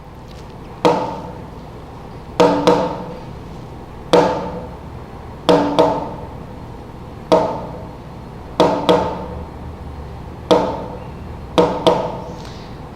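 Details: Trigeminy, an irregular rhythm with premature beats, demonstrated in a vital-signs class using the Harvey simulation model.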